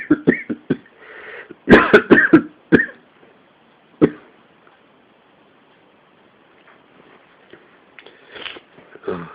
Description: this is from when i had a cold a few weeks back and this was the start of the coughing fits but this was the worst it got